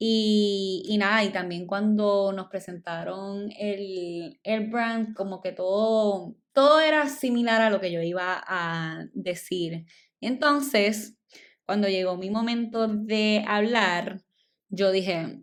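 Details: Adult woman, stuttering since childhood, speaking Spanish; she says it is stronger in Spanish than in English and in public speaking, and milder when recording alone; stuttering.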